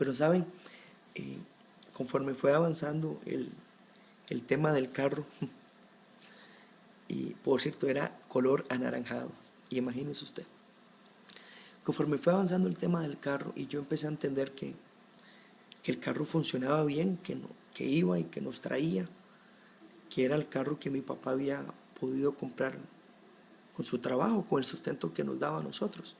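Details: Adult man who has stuttered since early childhood, severity varying with situation, getting stuck on some words; fluent speech takes him concentration and relaxation; stuttering, Spanish speech.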